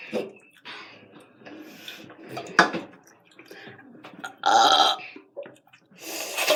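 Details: Children doing a burp challenge, taking turns burping: a few loud, drawn-out belches among softer burps and bits of talk.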